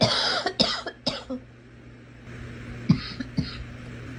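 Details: A girl's cough: a burst of three short dry coughs, then two more after a pause, over steady road noise.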